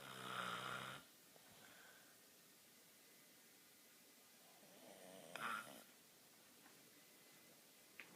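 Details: A brother snoring: two brief rattling snores with long quiet gaps between them in a quiet room.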